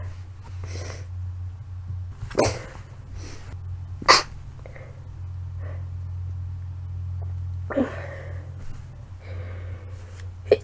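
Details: Sneezing in a sick adult with suspected flu or cold: sore throat, fever the day before, blood-tinged mucus, lightheadedness, medicine taken; several sharp sneezes and sniffs in a row over a steady low hum.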